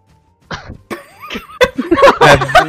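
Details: Adult hiccups: sudden short gulping bursts, with game music in the background.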